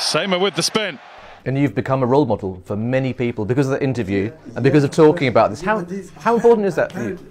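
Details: Adult male interviewer; normal speech.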